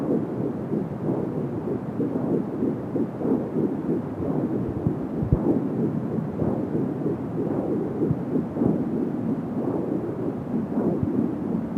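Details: Fetal heartbeat at 10 weeks of pregnancy heard with an Angel Sound home fetal Doppler: rapid, faint whooshing pulses at about 170 a minute within a constant rumbling hiss, with whooshing from the umbilical cord.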